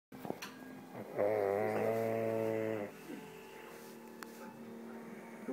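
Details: Single loud, buzzing, tonal snore lasting under two seconds from a man, over quiet room noise.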